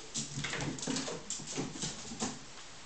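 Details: A dog named Moose gives a rapid run of short, snorting sneezes through the nose, with faint whimpery sounds: sneezing.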